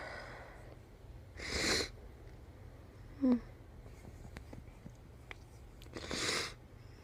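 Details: Person who woke with a nasal tickle deliberately inducing a mild sneezing fit for the first time: two hissing, explosive sneezes about 4.5 seconds apart with a short squeak between, over room noise.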